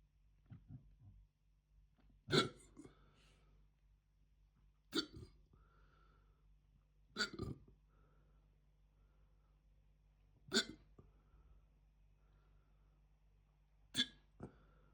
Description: Right after eating an Aldi Chicken Tikka Jalfrezi… the hiccups kicked in almost immediately (recorded on 28th July 2026).